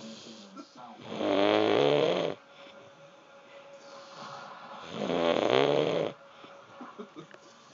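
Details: Two loud, long, rumbling snores with a rattling, vibrating quality, separated by quiet breathing; heavy snoring, described as snoring like a train.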